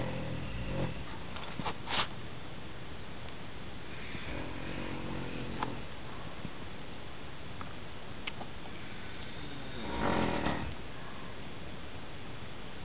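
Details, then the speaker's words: Rough, rattling snores from a sleeping father recur with sleep breathing against a steady room hum; loud snoring. "clear evidence that you, my father, snore really loudly."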